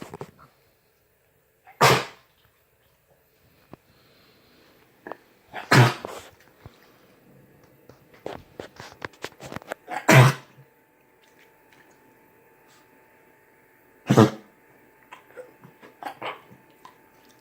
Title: Dog coughs